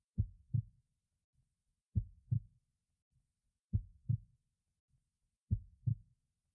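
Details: Four clear, regular lub-dub heartbeats in a quiet recording, each a pair of low thumps, at a slow rate of about 34 beats a minute.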